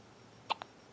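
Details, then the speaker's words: Three-day-old newborn, awake and lifting head, snorting: a small sharp hiccup with a fainter second catch right after it; hiccups. "hey still got the hiccups still got the hiccups and a snort and another snort"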